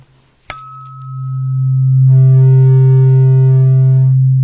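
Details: Simulated hearing test in an ASMR doctor roleplay: a struck tuning fork rings with a pure tone, then a steady test tone sustains over a low hum.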